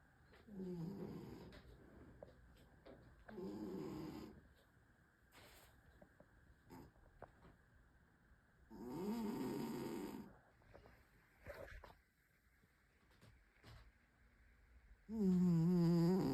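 Loud, rumbling snores from a sleeping cat, about four breaths, with quieter breathing between them.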